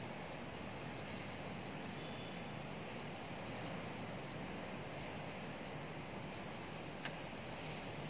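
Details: Automatic upper-arm blood pressure monitor (Polygreen KP 7520), cuff on left arm, self-measurement: eleven short high beeps at steady pace ending in one longer tone as reading completes; result slightly high, heart rate 90.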